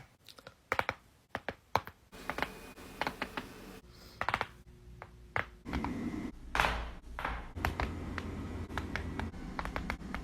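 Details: Neck cracking during adjustments: a series of sharp clicks and pops over rustling and room noise.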